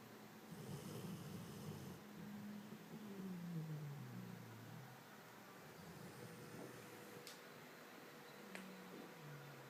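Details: Snoring that has kept the recorder awake for days: low, rough, droning snores with a falling pitch on each breath over steady room noise during sleep.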